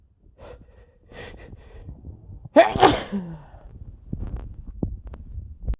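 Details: Male with really bad allergies: a quiet lead-in breath, then one sharp, loud sneeze burst, followed by sniffing and small rustling; a single allergic sneeze.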